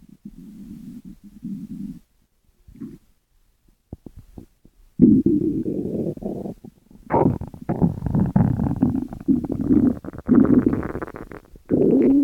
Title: 12 Minutes of stomach growls